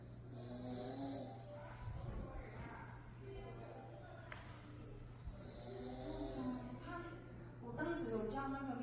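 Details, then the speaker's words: Snoring used to test a bed that raises itself in stages when it detects snoring: repeated rough, pitched inhalations over a steady electrical hum; the snoring may be played back or imitated. "那侦测到鼾声之后，还会进行第一段的抬升。那如果还在持续打鼾的时候，它会进行第二段的再次的抬升，直到没有打鼾的时候关掉。"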